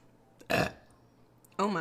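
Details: Woman's burp: one loud, deep belch followed by the start of speech; an ordinary belch from a compilation.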